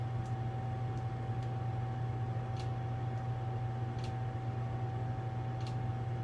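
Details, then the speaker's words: Electronic automatic blood pressure monitor measuring an adult woman seated, arm relaxed, feet flat, in a nursing skills demonstration: steady motor hum, faint tone, light clicks, no clear beep; reading 116/69, pulse 75. "and I heard the beeping sound which means I have a reading so her blood pressure is 116 over 69"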